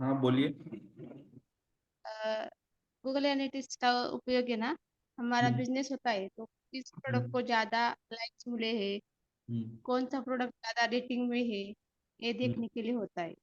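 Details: Adult speaker, likely over an online call; Normal voice.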